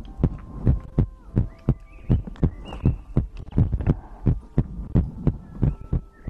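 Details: ASMR recording of the creator's own heartbeat with breathing, from a livestream compilation: regular deep thumps at roughly 85 beats a minute with faint tones and breath noise in the background; normal heartbeat.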